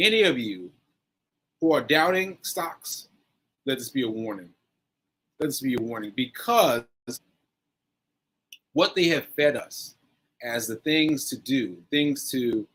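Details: Post-stroke aphasia in a male stroke survivor, nearly a year after a stroke on 7/14/22 (recorded 7/4/23); he is still recovering and says his aphasia makes some things harder.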